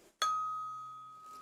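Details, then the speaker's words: Tuning fork hearing test in a soft-spoken role-play: a single tap on the tuning fork, then a clear steady ringing tone slowly fading while the listener, eyes closed, indicates left, right or middle where the sound is heard. "I'll have you close your eyes and I will gently tap the tuning fork can you hear"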